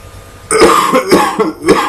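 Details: A quick burst of four loud, harsh coughs in under two seconds from a person ill for over a week with what they call a chronic cough.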